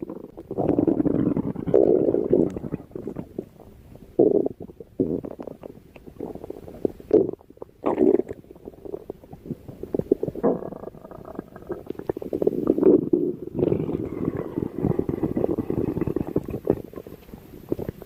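Continuous low gurgling and rumbling with bubbling bursts throughout; ordinary bowel sounds, stomach growling.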